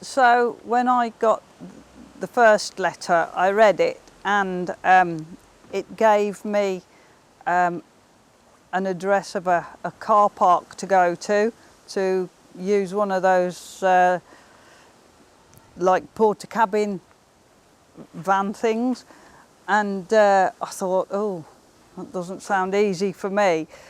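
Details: Adult woman with cerebral palsy and dysarthria who reports that her speech is often not understood.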